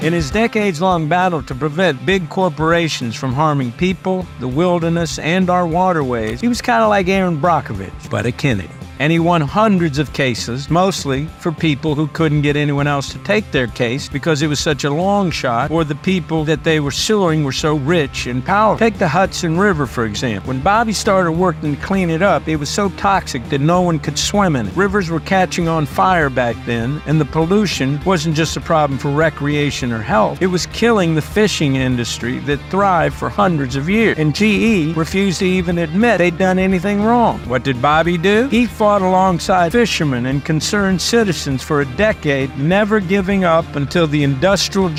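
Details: Adult male narrator with other adult voices; typical voice.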